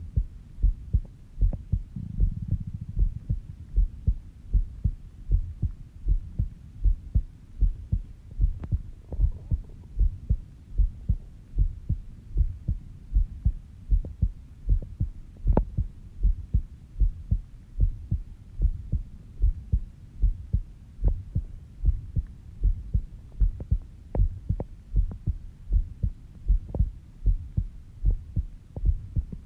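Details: Normal heartbeat recorded on oneself while sleeping at 5:30 am, described as slow at about 70 bpm: steady, regular low heart thumps of a resting rhythm.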